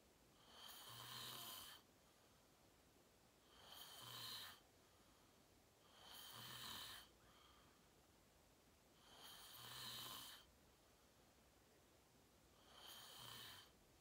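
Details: Self-recorded sleep video, fell asleep at 8:45 in deep REM sleep, tagged sleep apnea: loud regular rattling snores, about 20 a minute, each around a second, with quiet breathing between; snoring.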